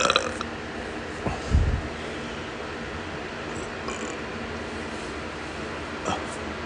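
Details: Excessive burping: a few low, rumbling belches over quiet room noise; repeated burping.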